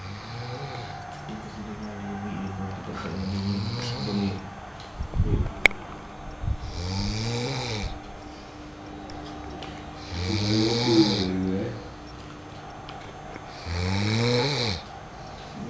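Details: Loud, rough snores recurring with each breath in, separated by quieter breathing; ordinary snoring.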